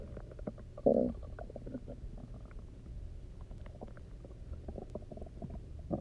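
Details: A loud gurgle, then scattered resonant, bubbling rumbles, recorded after about 24 hours of near-fasting, drinking a lot of water and lying on the side; normal hunger stomach growling.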